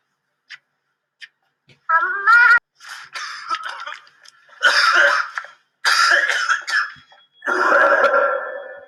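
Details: Uncovered cough from a scene in the 2013 film 감기 (The Flu); not a real patient recording.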